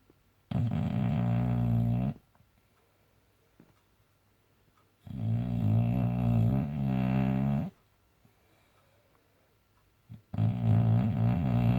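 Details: Snoring boxer dog: loud, long, deep rumbling snores recurring about every four to five seconds with quiet gaps between.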